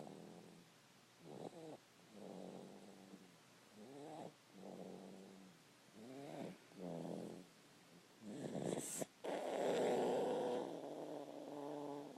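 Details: Rhythmic buzzing snores with each breath, about 12 a minute, growing louder and harsher toward the end: steady snoring.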